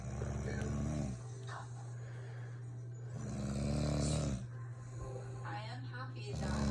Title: I can’t get no sleep my wife snores all night